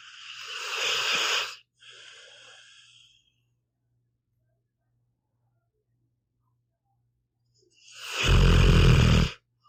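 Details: Pitbull asleep, snoring: two loud snorting snores separated by a long quiet pause.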